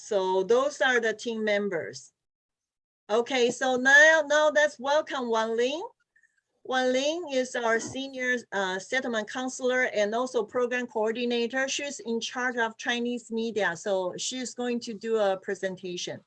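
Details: Adult woman; normal voice.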